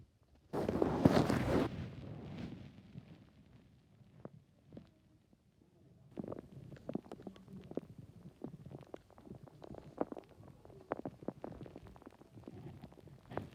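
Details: Gurgling, rumbling stomach noises with a loud growl at the start, then bursts of bubbly clicks, with TV noise in the background; bowel sounds (stomach growling).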